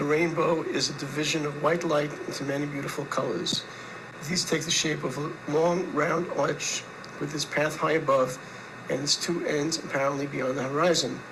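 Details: 63-year-old after revision laryngoplasty with implants cut down and moved up 3 mm; much better, fluid, no pushing, yet still slightly raspy with intermittent diplophonia; residual dysphonia with intermittent diplophonia.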